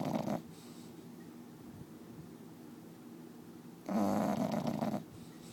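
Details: Sleeping bulldog snoring: long, rumbling snores on the in-breath, separated by quiet exhalation; typical noisy breathing of a flat-faced dog.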